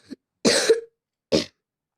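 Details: Speaker who says they have just fallen ill: two short, harsh cough bursts separated by a brief pause; cough.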